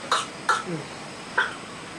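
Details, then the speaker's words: Three sharp, forceful coughs in quick succession from an infant with whooping cough (pertussis): a violent pertussis coughing spell. "They commonly get pneumonia as this baby has and that can be quite severe and that's why he's needing oxygen actually all the time. Sometimes they can get a whole range of complications. The cough is so violent."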